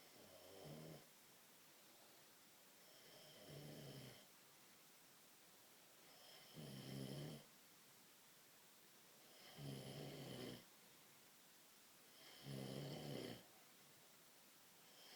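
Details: An adult man snoring in sleep after 2 AM, loud enough to hear from another room: loud, regular snores on each in-breath, about five in fifteen seconds, with quiet pauses between.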